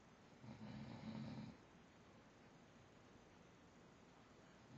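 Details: Snoring: a single low, rumbling snore lasting about a second, then quiet.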